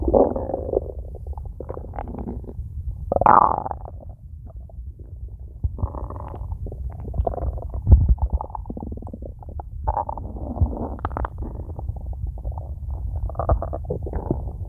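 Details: Low gurgling, rumbling sounds rising and falling irregularly for several seconds from an empty stomach, with nothing eaten yet today; stomach growling (borborygmi).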